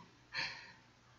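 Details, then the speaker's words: Single short, sharp, airy sneeze from a pet that the owner says has allergies. "and if y'all can hear that sneezing that's my cotton he has allergies"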